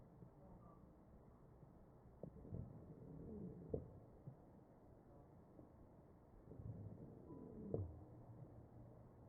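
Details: Chest sounds of a mechanically ventilated patient: quiet breaths, about 15 a minute, each carrying faint musical whistling tones; wheezing from narrowed airways.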